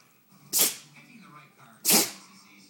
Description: When she starts sneezing there's no stopping it